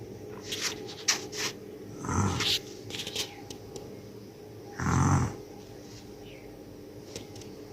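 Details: Cat snoring while awake: a few low, rattling snore-like breaths between quieter stretches, with faint background noise.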